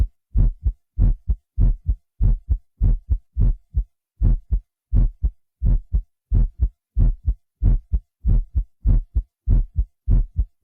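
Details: Deep, booming paired lub-dub heartbeat, about 95 a minute, recorded by a physician and digitally processed on a Synclavier system for a stronger, punchier sound; said to be a man's own heartbeat used in Smooth Criminal's intro.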